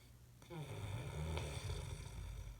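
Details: Deep, rough, rattling breath in a quiet room from an adult man who thinks he doesn't snore; loud snoring.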